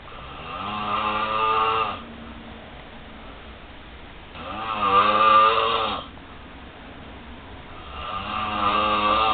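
Loud, drawn-out tonal snores, about 16 a minute, with quiet gaps between them. Snoring.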